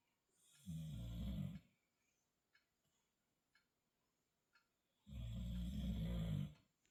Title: The Snores #konatheboxerdog #naptime